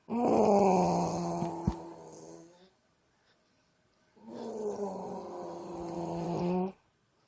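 Two long, loud, rattling pitched breaths with a silent pause between them: snoring.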